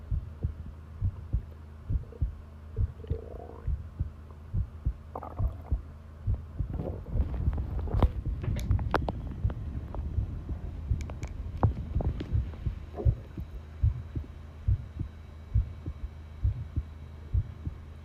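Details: Long heartbeat recording: normal heart sounds, a steady, low thumping heartbeat at about 68 a minute with rustling and rubbing noise in the middle.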